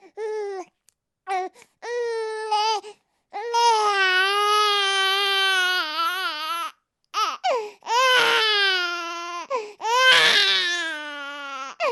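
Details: Sound sample of an infant crying: loud, high-pitched wailing cries in repeated bursts separated by brief breaths; ordinary baby's cry.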